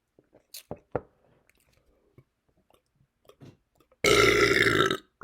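Faint mouth and fizzing sounds are followed by one long, loud, voiced belch lasting about a second.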